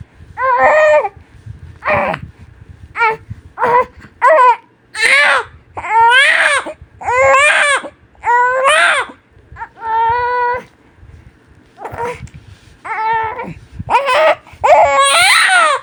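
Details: Newborn baby crying loudly and at length, short bursts and longer wails with quick breaths between; strong, normal newborn crying.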